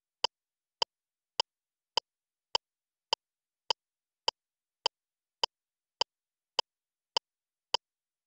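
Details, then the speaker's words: Crisp, evenly spaced clicks at about 104 per minute from a LIFEPAK CR2 defibrillator (AED) metronome in adult mode, pacing chest compressions after a delivered shock, with Swedish voice prompts to push hard at least 5 cm and give two rescue breaths. "ge bröstkompressioner följ takten ena handloven ska vara mitt på bröstet den andra placeras ovanpå tryck ner hårt minst 5 cm"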